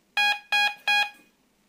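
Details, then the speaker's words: Three short, loud, high-pitched alarm tones in quick succession: a Hamilton Medical ventilator in INTELLiVENT-ASV mode alarming audibly when signal quality is too low and the controller freezes on its most recent settings. "If the signal quality is too low the controller will be frozen. And the most recent settings will be used. In this situation the ventilator will also alarm visually and audibly."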